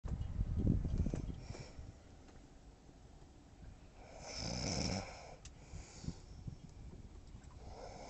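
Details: Person asleep in a boat in a harbour: a soft rattling snore on the in-breath, a quiet gap, then a second noisy breath over faint room noise; snoring.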